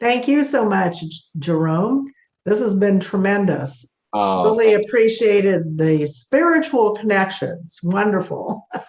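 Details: Adult speaker; fluent speech.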